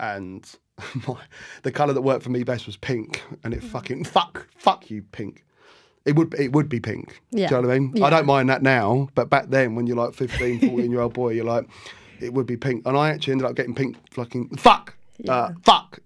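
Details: Adult male barber with Tourette syndrome; motor tics began at 14 after a minor ski accident, involuntary vocal tics with swearing and random words 4–5 months later; vocal tics with coprolalia.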